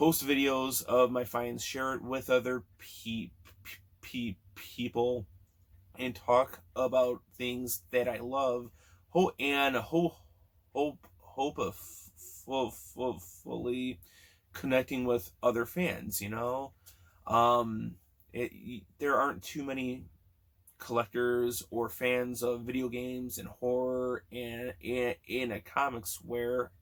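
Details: Adult man who has stuttered since childhood, real and not a gimmick; part-word repetitions audible; stuttering.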